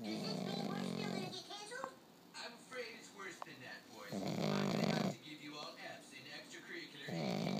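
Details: Pug Tater napping: loud, rattling snorts and snores from a flat-faced dog, with quieter snuffling breaths between them.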